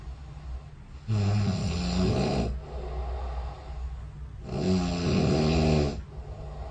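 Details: Recorded overnight by the SnoreLab snore-tracking app running beside the bed: two loud, low, rattling snores on the in-breath, a few seconds apart, with quiet breathing between: snoring.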